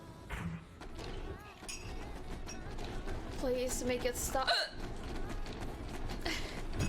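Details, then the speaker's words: Persistent hiccups in a person speaking during a video-game stream: sudden short voiced catches breaking into speech, with game music behind; the person cannot stop hiccupping. "I'm sorry, I can't stop the hiccups."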